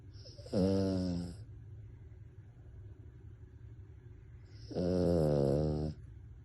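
Two long, loud, buzzing-tonal snores about four seconds apart over a quiet room hum; snoring in a sleeping dog.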